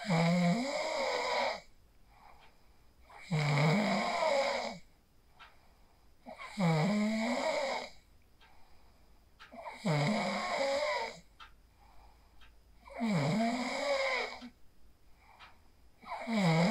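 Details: Person asleep after practicing the 4-7-8 breathing technique (inhale 4, hold 7, exhale 8), recorded on a phone: steady, loud rattling snores on each breath, about 19 breaths a minute, with quiet pauses between; snoring.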